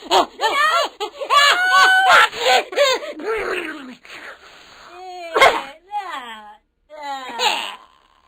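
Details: After ground pepper is offered, a single sharp, explosive sneeze bursts out over lively high-pitched talk and laughter.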